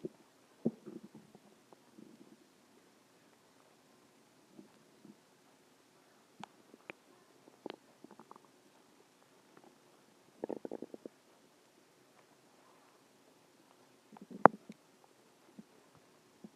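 Quiet, irregular gurgles and squelches from the belly, with pauses between them; ordinary stomach growling from gas and fluid moving through the gut.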